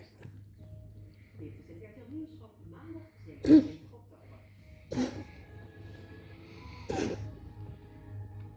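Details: Dog coughing in the evening: three short, harsh coughing bursts a couple of seconds apart, with a television newscast murmuring in the background.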